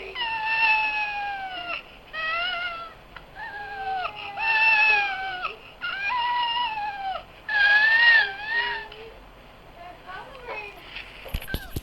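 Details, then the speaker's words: Infant with cri du chat syndrome (5p deletion): repeated high-pitched, thin, mewing cat-like cries, the characteristic cry of cri du chat syndrome. "하여튼 이런 식으로 이제 애기 울음소리가 좀 이렇게 고양이 울음소리 같이 나오는 거예요. 묘성증후군이라 하죠."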